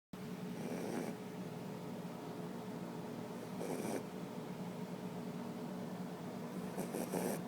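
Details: A sleeping dog snoring when tired: soft, rough, rhythmic breathing noises every few seconds over a steady room hum; quiet snoring.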